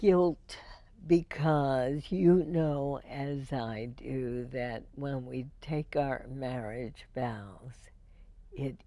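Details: Adult woman (radio host) with spasmodic dysphonia diagnosed in 1998, treated every four months with botulinum toxin injections into the vocal cords; spasmodic dysphonia.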